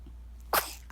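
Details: 13-day-old newborn baby making a single small, sharp sneeze, recorded alongside the baby's hiccups; normal newborn sneeze.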